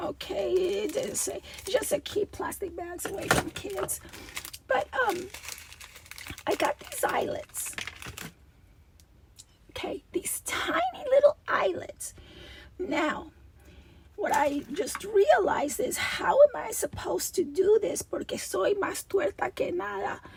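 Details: Adult woman with a recurring double-voice episode that she says requires a return to voice therapy when it happens, with a rasp she feels vibrating below her vocal cords; diplophonia.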